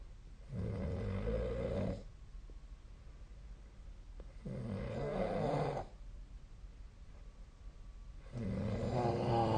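Steady, rhythmic, deep rumbling snores about every four seconds, roughly 15 breaths a minute; ordinary snoring during sleep.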